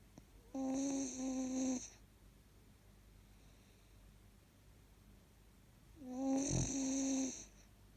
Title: 4 month old husky puppy snoring